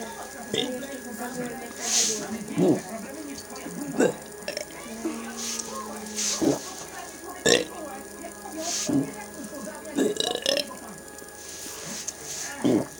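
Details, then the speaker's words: Person burping without soda or Coca-Cola: a series of repeated voiced belches with faint background sound between them, in a small room; repeated burping. "Burping. Without soda and Coca-Cola."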